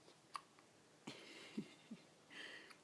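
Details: Newborn girl only a couple of days old, drifting toward sleep, with frequent hiccups (described as about every minute): soft, quiet hiccup sounds, a few close together, against low room noise.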